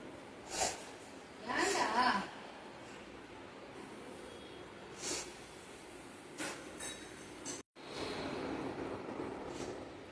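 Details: Dog, a Chippiparai (native Tamil Nadu breed) per hashtags, making scattered, noisy snorting inhalations: a reverse sneezing episode.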